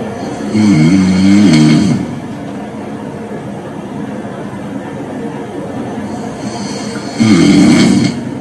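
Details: Two loud, low, rattling snores on breathing in, about seven seconds apart, with quiet breathing between; primary snoring.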